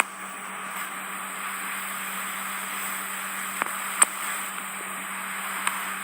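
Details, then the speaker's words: Steady hissing suction with sharp clicks and crackles as dry skin is drawn from the ear canal wall, in a patient with otitis externa near the ear entrance and an intact, healthy eardrum; ear microsuction. "so i'm just using the suction process to extract some of this dry skin the patient's got around the ear canal wall"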